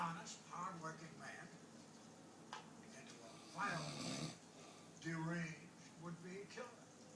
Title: Snoring...